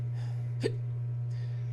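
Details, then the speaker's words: A simulated hiccup acted in a comedy sketch: a single short, sharp, catching gulp over a steady electrical hum. "Oh, I got the hiccups. Uh, yeah, I can tell, man."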